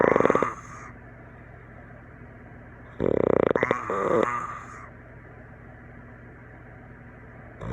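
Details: Person snoring in sleep after a campfire and some drinks, sounding like a tree frog: two loud, rough, rattling breathing noises separated by a quiet pause.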